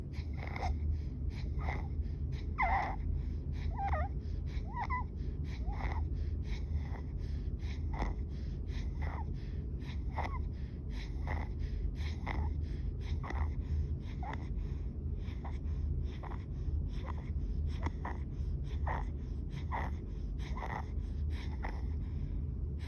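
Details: Hospitalised baby with breathing difficulty: fast, regular harsh inspiratory stridor with each breath in, about 60 a minute, a sign the child is struggling to breathe.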